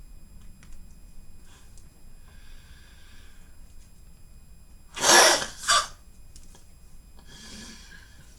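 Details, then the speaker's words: A reactive cough through a tracheostomy tube, in an adult with a tracheostomy for four years: two sharp, airy, explosive coughs in a quiet room. "anytime my throat something wiggles me trying to put something i cough so this didn't make me cough it's just you know a reactive thing with my airway"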